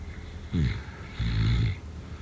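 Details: Snoring: two low rattling, snorting breath sounds over steady background hiss.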